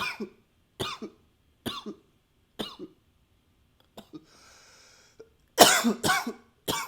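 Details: Coughing captured with a new high-fidelity microphone: separate sharp cough bursts, each with a short second part, then a faint hiss and more forceful coughs.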